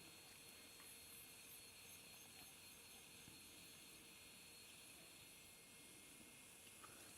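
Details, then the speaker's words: High-speed dental drill in a cat during surgical extraction of mandibular canine 304: steady high-pitched hiss with thin whine while removing bone over the root and cutting mesial and distal grooves for the luxator. "So I'm just removing all the bone, all the white stuff that is overlying this root needs to come off. And while I do this, I'm creating some grooves, mesial and distal, so to make room for my luxator."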